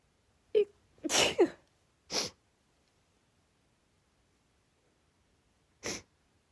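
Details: A female's sneezing fit triggered by cold air, with sniffles: three quick, sharp, explosive sneezes, then a fourth after a pause, sounding progressively more annoyed.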